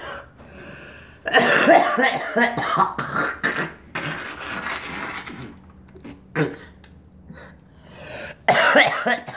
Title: Girl coughing